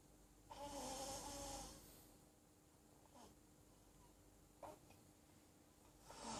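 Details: Sleeping cat, described as a fat boy, with a Bengal kitten massaging it, gives a soft, drawn-out snoring breath followed by quieter noisy breaths against faint room noise; ordinary snoring.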